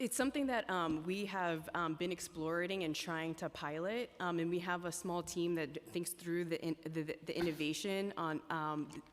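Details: Adult woman speaking; normal speech.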